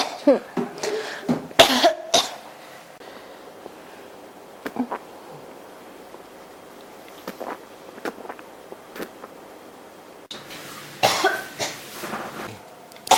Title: 咳が止まらない 36 cough